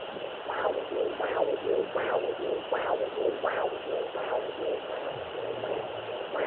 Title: Fetal doppler sounds